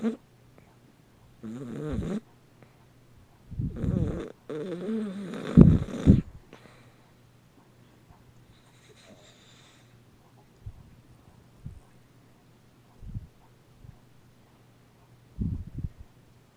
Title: Deaf dog snoring